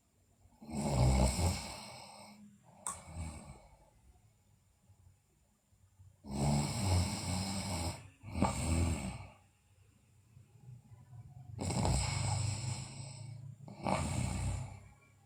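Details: Sleeping girl, in a recording also showing bruxism and delirious episodes, makes loud, rough snoring on each breath, about eleven a minute and somewhat irregular, in a quiet room: snoring.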